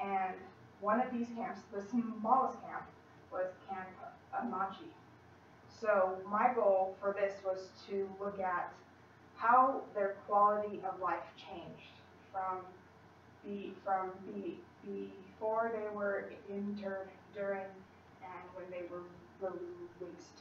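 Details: Female college student who stutters, in speech-language therapy with a fluency technique, giving a practice presentation to 10-15 people at her clinic; she stutters more before unfamiliar people or large audiences; stuttering.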